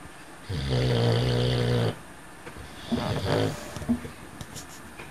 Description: This is Shadow, a cocker spaniel snoring loudly and dreaming.